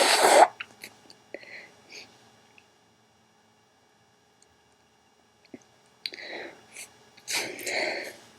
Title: Three Sneezes and a long wet nose blow